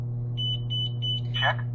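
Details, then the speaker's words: Zoll defibrillator monitor alert tone after being switched to defib mode, not in test mode, during a demonstration with pads connected and no patient: repeating high-pitched electronic beeps over a steady low hum. "now just ignore what the monitor is saying because I don't have it in test mode or anything like that"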